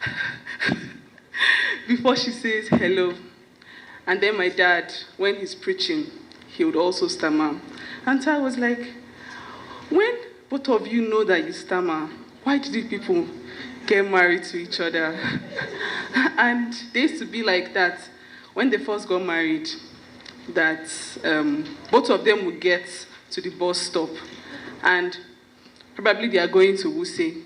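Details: Stuttering in an adult woman whose stammering began at about age five or six; her parents and sisters also stammer.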